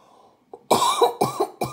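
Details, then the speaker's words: Three harsh coughs from an adult, the first longest, in a quiet room; speaker apologizes for a seasonal cough. "Excusez-moi pour la toux cette saison."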